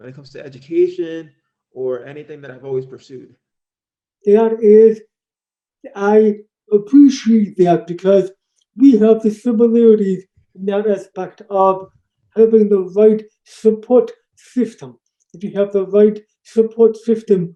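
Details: Adult man born three months premature in 1976, congenital hearing loss found at age two and a half, orally taught to listen and speak, also has ADHD; deaf speech (speech of congenital hearing loss).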